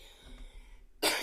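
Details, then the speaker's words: Adult with a cough after being unwell the previous week; quiet room, then a single abrupt, loud, harsh cough. "As you can hear, I do have a cough. Last week I was under the weather, so I did not do a live Talk to Me Tuesday, so excuse me, so I do apologize about that."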